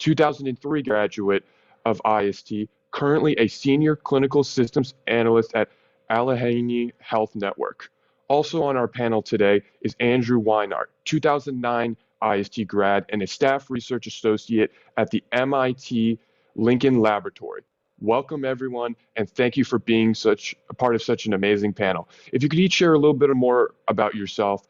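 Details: Adult speaker; typical speech.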